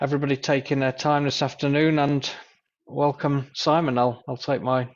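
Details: Adult man speaking; Normal speech.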